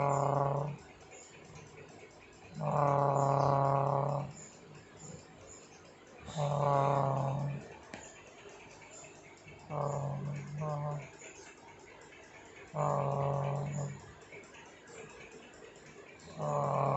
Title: mendengkur/ ngorok 😂